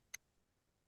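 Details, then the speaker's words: Adult webinar participant drinking water with head tipped back, as in a swallowing demonstration: single short, rough, voiced cough after silence; cough after swallowing. "Yeah, I tried it and I had a big cough."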